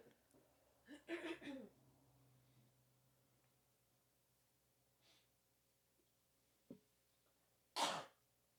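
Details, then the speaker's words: Adult coughs in a short cluster of harsh coughs, then one loud explosive cough after a pause, and says it feels like something is stuck in the throat; cough. "currently coughing and it sounds like when my dogs Ew It sounds like my when my dog has a stick stuck in his throat."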